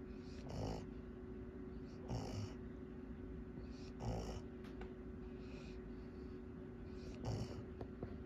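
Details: Soft snoring breaths about every 1.6 seconds, roughly 37 a minute, over steady room hum, recorded April 23, 2024: snoring.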